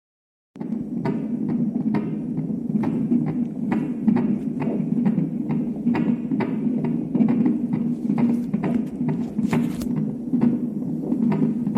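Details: Fetal heart sounds during a non-stress test on an NST machine: rapid, regular galloping whoosh-thumps over a steady hum at about 140-150 a minute; normal fetal heart on Doppler.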